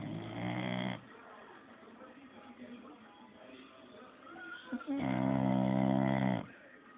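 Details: Dog snoring loudly: two long, buzzing, tone-like breaths separated by a quieter stretch; snoring.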